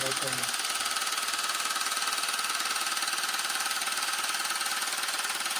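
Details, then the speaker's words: Loud, fast, steady buzzing clatter, roughly 160 pulses a minute, of an at-home low-intensity shockwave device applied to an adult man's penis for erectile function, reported painless: acoustic wave therapy device running. "All right, so here we go. It's going to get loud."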